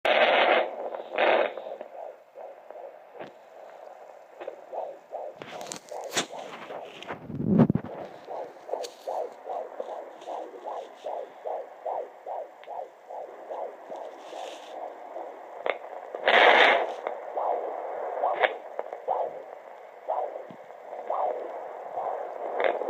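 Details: Normal fetal heartbeat on Doppler at 19 weeks 5 days of pregnancy: rapid, regular whooshing pulses, about 145 a minute.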